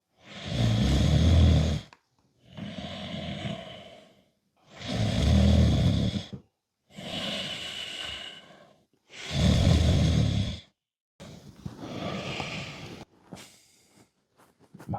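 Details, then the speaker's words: Acted snoring by a partner in a sketch about nightly loud snoring: loud, rough snores on each in-breath with quieter out-breaths, about 14 breaths a minute. "Du schnachst jede Nacht so laut, dass ich an dir den Airbeath ausprobieren muss, um endlich wieder meine Ruhe zu haben."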